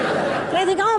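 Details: Aphasia during an acute left-hemisphere hemorrhagic stroke, a golf-ball-sized clot pressing on language centers, with a paralyzed arm; she imitates her own failed attempt to speak, unable to speak or understand language.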